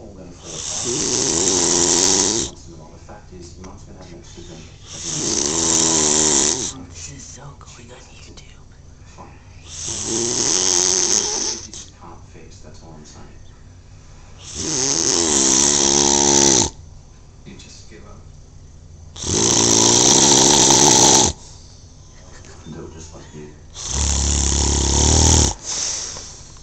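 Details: Man asleep on a couch: loud, rattling snores about every five seconds, roughly 13 a minute, with quiet breathing between; snoring.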